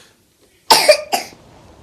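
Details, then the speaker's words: A young child, ill again with a strong cough, gives two short, harsh, dry coughs, then quiet; a dry, irritating cough, before a clinic visit for tests. "потому что мы снова заболели мы сильно кашляем я перестала заниматься самолечением"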